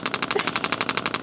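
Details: Rapid even bursts of sharp clacking pulses, about twelve a second, from a radial shockwave device with red tip over an adult man's deltoid on a tender spot for shoulder pain, about 3–6/10 discomfort; radial shockwave therapy device.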